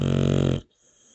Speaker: Milo why you snoring